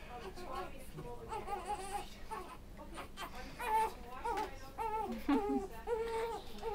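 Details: An infant on day 96 in the NICU fusses during burping, with whimpering cries in short wavering bursts and soft adult voices in a small room. Infant crying.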